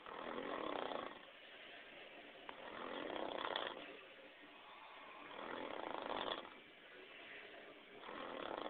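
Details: Adult man asleep after getting drunk and passing out early: loud, rough, rattling snores on each breath, about 14 per minute, with quieter gaps between; snoring.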